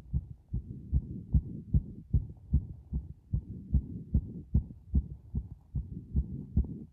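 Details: Heartbeat recorded with the device pressed against the chest after a bath: steady, regular low thumping in paired sounds at roughly 75 beats a minute.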